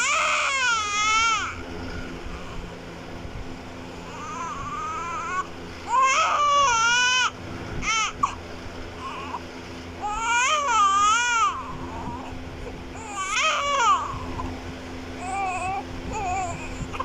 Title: Crying newborn Baby Child Sound Effect 2024| CUTE Baby Vlog |Baby Vlog